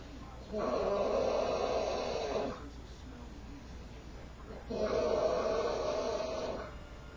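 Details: Heavy snoring in a sleeping man with a loud snoring problem, recorder whispering: two long, loud, buzzing snores on the in-breath about four seconds apart, as if fighting for air.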